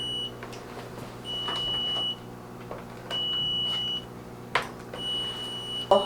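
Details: Repeated high electronic beeps about every two seconds over room hum from a Level One rapid infuser fluid warmer, alarming because it is not yet set up; rapid infuser alarm.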